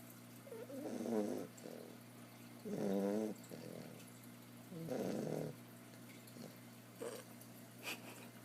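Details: Sophia snoring loudly on the couch: repeated vibrating, purring snores about every two seconds with softer sniffs between, over steady room hum.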